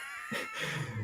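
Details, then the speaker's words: Pet cat snoring nearby during a live stream: brief, low, buzzing snore over a steady background hum; owner says she snores very loudly. "can you guys hear that my cat is snoring"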